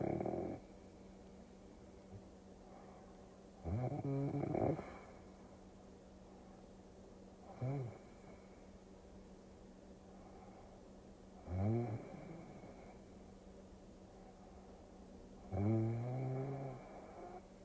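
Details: Four low, rattling snores with quiet gaps, about 14 a minute, over a faint steady hum, played as a relaxing sleep-aid recording; snoring.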